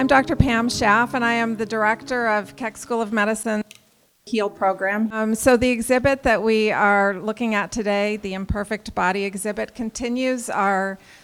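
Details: Adult woman speaking; normal speech.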